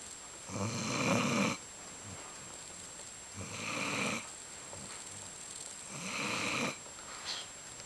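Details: A sleeping dog snores in three rough, rattling bursts about 2.5 seconds apart with quiet pauses, a faint steady whine in the room; loud enough to keep the owner awake at night.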